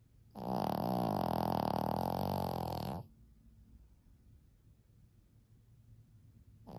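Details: Loud, rumbling snore on each breath with quiet gaps between, from a 14-year-old female Shih Tzu sleeping soundly during the day; heavy snoring in a small dog.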